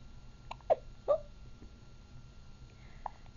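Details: Seven-week-old puppy with hiccups: several short, abrupt, squeaky hiccups, irregularly spaced, over quiet background noise.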